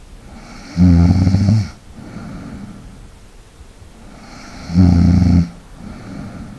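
Two loud, low, rattling snores on the in-breath, separated by quieter breathing, roughly every four seconds.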